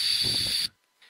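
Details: Short, steady hissing blow of air through narrowed lips, then quiet and the start of another breath: deliberate pursed-lip exhalation during a paced breathing (TIPP) exercise for emotion regulation.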